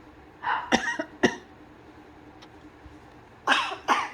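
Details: Pet bird plucking its feathers makes about five harsh, throaty cough-like bursts in two clusters against quiet room noise, most likely a mimicked cough.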